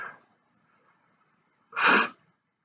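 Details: Man's stifled and big sneezes after sniffing in both nostrils: a faint stifled sneeze at the start, then one loud explosive sneeze.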